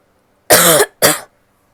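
Two short, harsh cough bursts from an adult woman, the first longer with some voiced tone, then silence; a plain cough.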